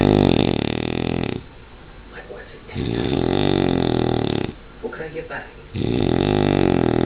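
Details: Snoring shown off as a party trick: loud, rough, rumbling breaths repeating with pauses between them, like heavy snoring during sleep.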